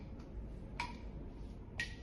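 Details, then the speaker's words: Soft metronome ticks at one beat per second, pacing 10 consecutive pinprick contacts from a calibrated pinprick stimulator during a demonstration of mechanical pain sensitivity testing; the participant rates each stimulus 0–10, over a low room hum. "So we will apply the pinprick 10 consecutive times at a rate of one contact per second using a metronome to keep time setting of 10 beats one beat per second. So I will start the metronome app, apply the first stimulation and you can rate it out of zero to 10."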